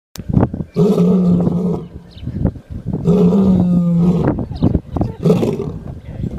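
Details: Three deep, loud, rumbling droning breaths about two seconds apart: very loud snoring from a lion sleeping soundly.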